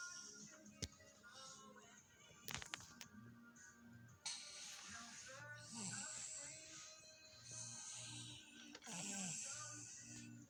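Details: A cat snoring.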